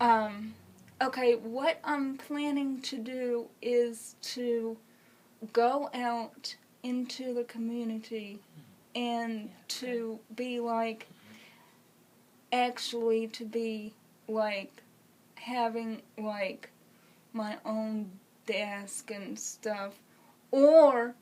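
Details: Adult woman with congenital cerebral palsy who uses a wheelchair; speech in cerebral palsy (dysarthria).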